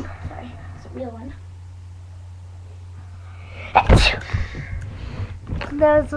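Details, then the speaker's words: Sneeze recorded on a webcam: quiet room hum, then a single loud, sharp burst of air at about four seconds, followed by brief voicing. "I gotta sneeze. Sorry."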